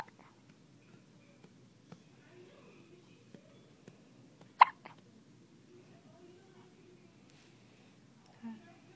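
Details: Baby has hiccups while with mother; a few soft, sharp hiccup sounds, one louder, about four in nine seconds in a quiet room.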